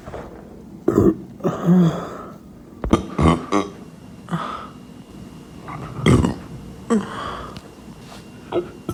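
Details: A self-described femboy burping: several loud, low, rumbling burps in a row in a small room; repeated belching.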